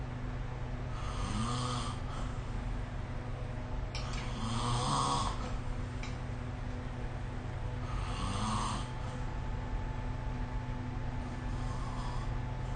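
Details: Sleep snoring recorded with the SnoreLab phone app: rhythmic low rattling snores roughly every 3.5 seconds, about 17 a minute, over steady room hum.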